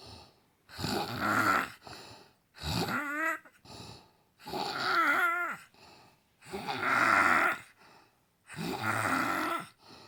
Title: Snoring Mom after an exhausting day